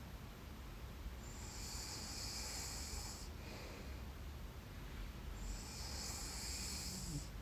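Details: Adult sleeping in bed and snoring, self-recorded: slow, hissing breaths, about two long breaths in seven seconds over steady room noise; mild snoring.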